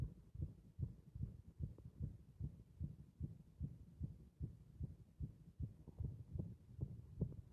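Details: Heart beating against compression: fast, fairly regular, muffled heartbeat thumps under a low hum.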